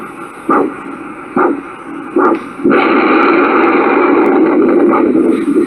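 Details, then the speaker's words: Handheld Doppler transducer at the foot of a patient being examined for Buerger's disease during an ankle-brachial index test: three whooshing arterial pulses, then a steady loud roar of venous return. A normal venous return signal. "That roar that you just heard, that was venous return. I'll actually demonstrate that."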